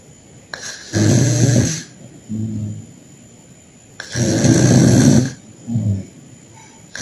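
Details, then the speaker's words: Unconscious patient on 2 L/min oxygen by nasal prongs, saturation 98%: loud, coarse snoring on each breath in, two cycles heard, indicating partial upper airway obstruction despite the normal saturation. "Yes, the snoring suggests he has partial airway obstruction. The normal saturation does not exclude obstruction particularly in a patient receiving oxygen."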